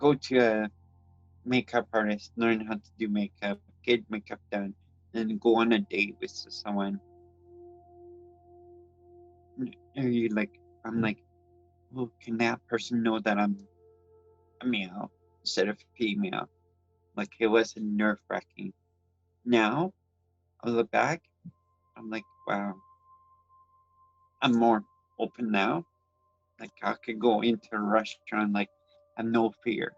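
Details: Adult transgender woman with congenital cerebral palsy who reports speech issues and that people sometimes cannot understand her, with background music under her speech: dysarthria due to cerebral palsy.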